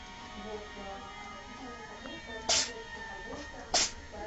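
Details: Cat sneezing; two short, sharp sneezes about a second apart, with background music.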